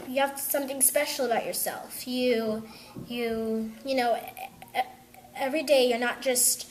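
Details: Young girl who stutters, attending a program for young people who stutter; stuttering.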